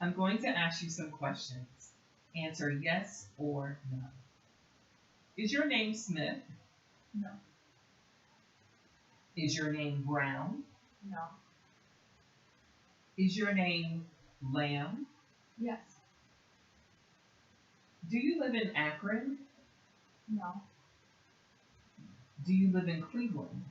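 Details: Adult clinician; typical speech.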